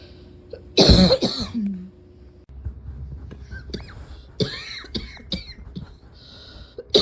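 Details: Person who can hardly take a breath without coughing for five minutes: a harsh, forceful cough burst, then weaker coughs and strained breaths as coughing continues: coughing fit.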